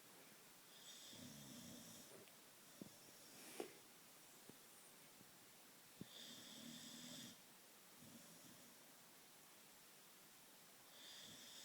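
Rough, rattling snores from a sleeping dog, three long noisy breaths in about twelve seconds, with faint room noise between.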